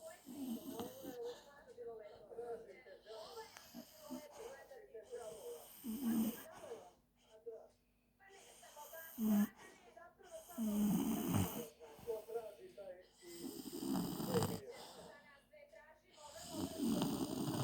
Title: CRISPI SLEEPIS AND SNORE